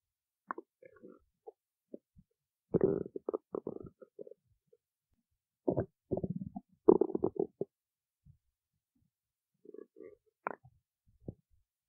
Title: stomach growling